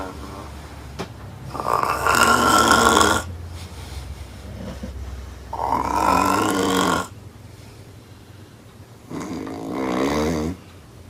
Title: Snoring Woman - Loud AF